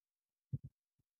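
Two dull low thumps close together, like a single lub-dub heartbeat, then a faint third knock; a plain heartbeat.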